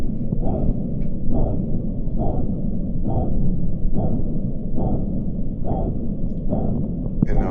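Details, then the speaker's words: Normal dialysis fistula/graft bruit heard with a stethoscope at the anastomosis and cannulation site: loud, continuous low whooshing rising with each pulse about 68 a minute, no stenosis. "you can listen all the way up the arm but the sound is very loud at the anastomosis and calan site so this is what it sounds like with um no stenosis when you're listening with your"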